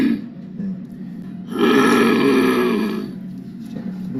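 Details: Adult patient's speech; Growling speech (progressive supranuclear palsy).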